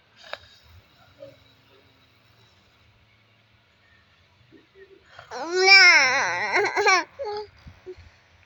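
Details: After a quiet stretch, a baby boy, wanting to breastfeed while his mother pretends to sleep and snore, lets out one loud wailing cry lasting about two seconds, then small whimpers; a fussy cry for feeding.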